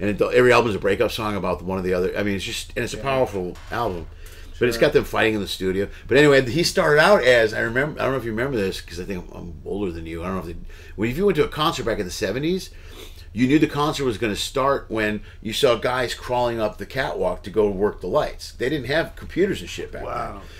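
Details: Adult man speaking; Typical speech.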